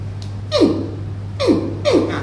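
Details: Three abrupt, short voiced gasps falling in pitch, about a second apart, over a steady low hum, during bone-setting treatment of a 70-year-old woman for back pain and frozen shoulder; hiccups.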